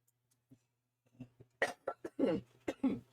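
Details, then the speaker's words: An adult makes a few faint throat sounds, then a quick run of about five loud coughs, recorded during a live stream. "can hear my coughing loud and clear too."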